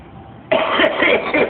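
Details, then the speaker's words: Man with 55 years of smoking coughing; a friend once thought his cough was laughter. Chronic smoker's cough. "I had a friend of mine in California he used to listen to me cough he thought I was laughing at him"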